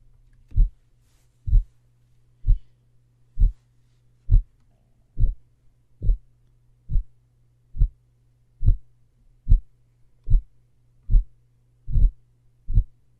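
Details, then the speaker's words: Mitral regurgitation: regular heartbeat near 69 per minute with a soft whooshing systolic murmur starting at S1 and running through systole. "Therefore, the patient will have a systolic murmur that you'll hear on S1."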